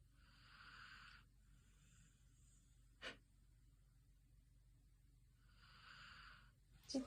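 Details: Sleeping Standard Poodle: two quiet, airy snoring breaths about five seconds apart with a couple of faint clicks; gentle, relaxed sleep snoring.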